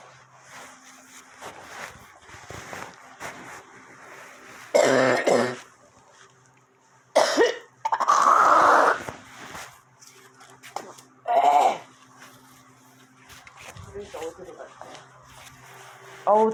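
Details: Adult woken around 11:10 pm on the third night by stinging pain, coughing up jelly-like phlegm, with headache; the person suspects gas from neighbours. Several harsh cough and throat-clearing bursts: productive cough.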